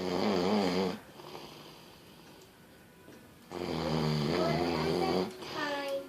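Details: Man snoring: two long, rattling, low-pitched breaths separated by a quiet pause, with faint background music.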